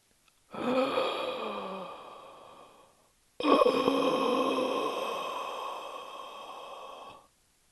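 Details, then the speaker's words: Adult's imitation of stridor in a respiratory disease lesson: two long, harsh, whistling breaths like breathing through a straw, noisy inspiration from a narrowed upper airway at neck and shoulder level. "yani Nefes alırken ses çıkması mesela ağzınıza Pipet yerleştirdiniz ve nefes almaya çalışıyorsunuz işte böyle bir ses çıkar nefes alma sesi"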